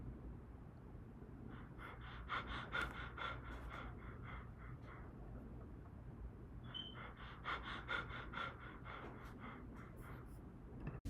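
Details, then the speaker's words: Demonstration of Cheyne-Stokes respirations in increased intracranial pressure: clusters of heavy, gasping breaths separated by periods of apnea. "they'll get something called Cheyne-Stokes respirations. This is when the patient breathes heavily and then they have periods of apnea."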